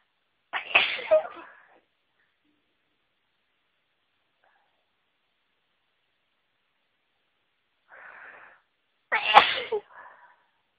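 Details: Person sneezing after being near a flower that always makes them sneezy: two forceful sneezes, each with a sharp inhaled lead-in; allergic sneezing.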